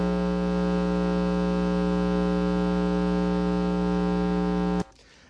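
A loud, steady electrical buzz with a strong low drone runs for about five seconds and then cuts off: hum interference picked up by a hearing neck loop.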